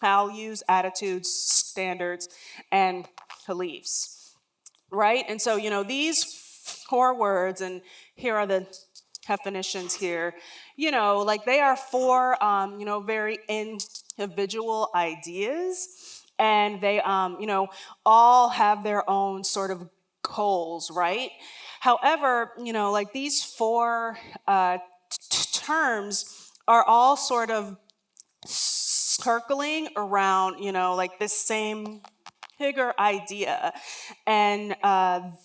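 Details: Real lifelong stuttering in an adult woman who says words and phrases don't come out as quickly as she would like.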